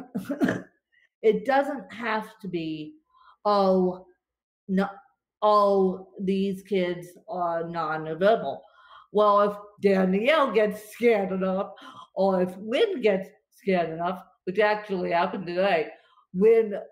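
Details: Dysarthria in an adult woman with cerebral palsy.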